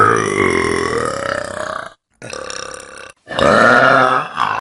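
Several long, loud, rumbling belches in quick succession from a compilation; ordinary burping.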